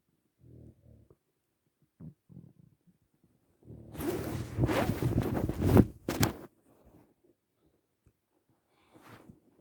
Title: My Hunger morning stomach growling